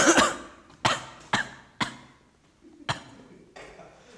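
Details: About six sharp, deliberate cough bursts in a row from a young man with soybean powder in his mouth, an acted cough demonstrating droplet spread without a mask.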